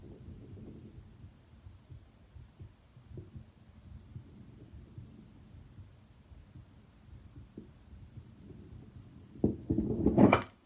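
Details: Stethoscope auscultation of muffled, quick low heart thumps after physical exertion (workload), ending in scraping noise.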